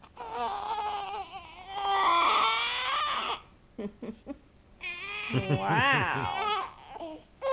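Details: Baby boy crying while being burped after waking: loud wailing cries in bursts with short gasping pauses between them.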